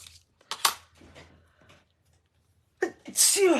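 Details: A single adult woman's sneeze, followed by "bless me": sneeze.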